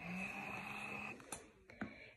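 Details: Unimom Opera hospital-grade electric breast pump running during a demonstration: steady mechanical motor hum that stops, followed by a few faint clicks.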